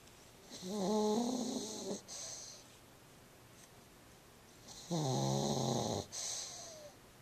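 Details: Sleeping female pug, rescued a week earlier underweight and dirty, now content: two snorting, whistly snores, each followed by a hissing breath out.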